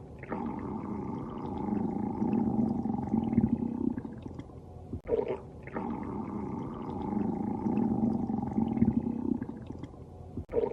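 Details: Woman's stomach growling while she sleeps: long, low gurgling rumbles rising and falling, twice with a short pause between; borborygmi.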